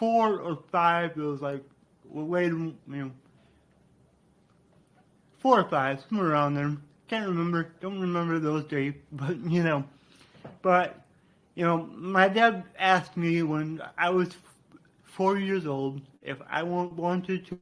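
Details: Adult man with cerebral palsy, which he attributes to brain damage after being born without heartbeat or breathing and being revived; he describes a resulting speech impediment; dysarthria (cerebral palsy).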